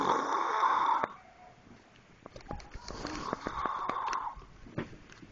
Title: Snoring.3GP